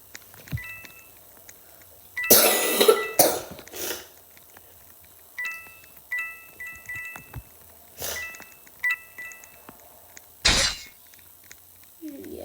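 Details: Sick person coughing and sniffing while playing a video game: several scattered coughs and sniffs over chiming game sounds.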